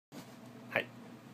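One abrupt, sharp voiced catch over quiet room noise: a single hiccup.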